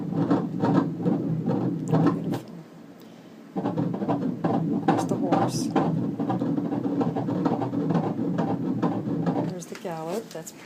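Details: Fetal heartbeat on ultrasound/Doppler during a sonogram, baby girl head down: rapid, regular whooshing gallop at 136 beats a minute, a normal fetal heart rate.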